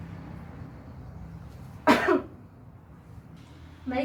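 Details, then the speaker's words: Nursing practice demonstration of effective cough technique for clearing phlegm and mucus, about 30 minutes after a drink to thin it: patient takes three deep breaths, then one forceful cough on the third; acted demonstration. "Baik Ibu pertama Tarik nafas sebanyak tiga kali dan pada tarikannya ketiga batuk lah sekuat tenaga"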